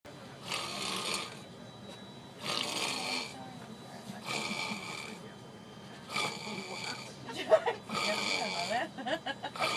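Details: Person snoring loudly in a first-class seat: harsh, rattling snores on each breath, about five in ten seconds, with faint background chatter.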